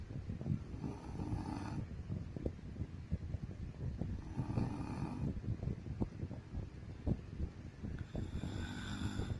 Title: MY WIFE SNORING/SLEEPING OLD VIDEOS COMPILATION